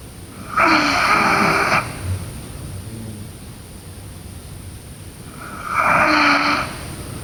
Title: Sleeping Girl Snoring